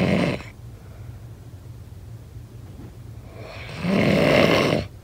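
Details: Snoring sound effect: one loud, rough snore after several seconds of quiet, low breathing noise; snoring.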